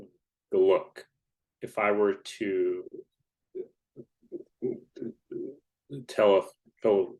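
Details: Adult man who identifies himself as a person who stutters; stuttering.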